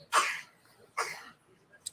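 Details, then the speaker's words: Two short, soft coughs from a young boy, heard faintly in the background of a live talk show. "else did I tell you you hear that small cough in the background that's my son"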